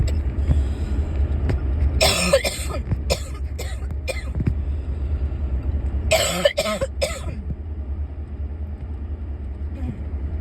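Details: Persistent cough that won't go away: two bouts of dry, hacking coughs, several each, over steady low traffic-like rumble.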